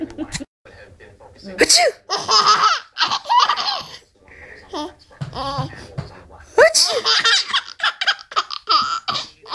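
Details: Child's sharp sneezes, each followed by an infant sibling's bursts of bright, hearty laughter in a small room; sneeze.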